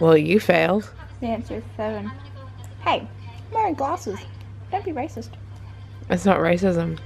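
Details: Adult woman speaking; ordinary speech.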